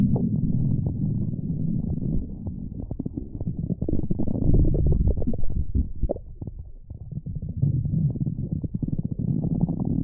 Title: Splendid Stomach Rumbling V5